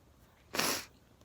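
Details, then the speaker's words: Single sharp, hissing sneeze about a third of a second long, from a person with frequent sneezing recently, reporting sneezes growing more severe with jaw locking up. "i think it's finished anyway folks that's just another sneeze love you all keep watching bye"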